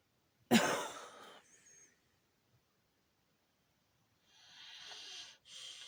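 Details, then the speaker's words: A single sharp cough from the person recording, then a fainter cough a few seconds later, heard as a man coughing outside at a distance, in a quiet room; cough. "Dude, that shit sounded like somebody coughed outside."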